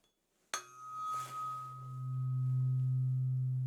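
A tuning fork is struck and rings with a steady, pure tone that slowly fades, as used in a role-played hearing test.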